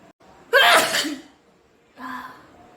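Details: One loud, explosive sneeze with a quick intake of breath before it and a softer breathy sound afterward, recorded during a sneezing challenge video; sneeze.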